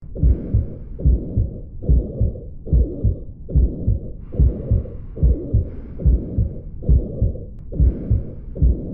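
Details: Typical mitral regurgitation murmur on auscultation: regular heartbeat near 72 a minute with a blowing murmur between the beats.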